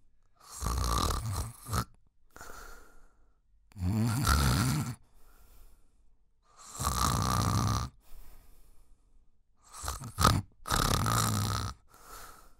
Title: 1 Hour Snoring Sound - Relax, Fitness, Workout, Background Music